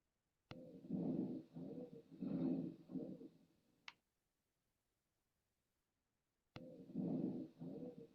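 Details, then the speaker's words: Wheezing: repeated high-pitched musical, whistling breath sounds over the chest, usually heard on exhalation as intrathoracic airways narrow; continuous adventitious sound contrasted with low-pitched rhonchi. "your wheezing which is usually heard on exhalation because those intrathoracic Airways are smaller during exhalation"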